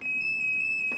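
A steady, shrill electronic alarm tone sounds continuously as a public defibrillator cabinet is opened.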